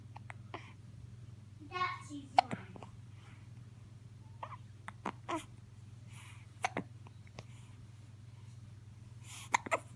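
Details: Brief, sharp catches of breath recurring every few seconds, about four in ten seconds, in a quiet room; hiccups.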